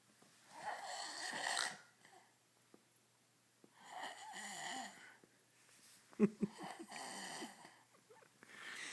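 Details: A grown man, drunk after one beer, snores softly and regularly with a faint whistling edge and one snort, in a quiet room.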